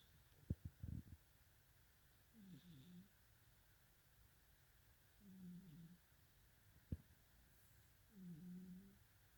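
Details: Sleeping cat snoring: soft, low, buzzing snores about every three seconds, with a few faint clicks and a quiet room hum.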